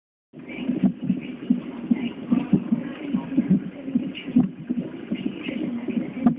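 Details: Granddaughter's heart while she has hiccups, recorded on an Android phone: rapid rhythmic thumps about 145 a minute with a few sharper jolts among the beats, over a steady hum; heartbeat.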